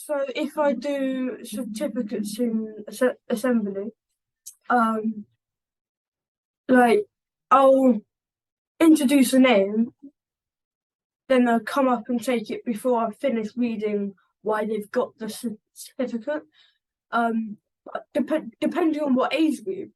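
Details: 11-year-old boy who stammers, in a conversational interview. Stammering.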